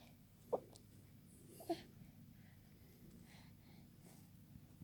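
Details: 3-month-old baby boy with hiccups: two brief, soft, sharp catches about a second apart over quiet room noise.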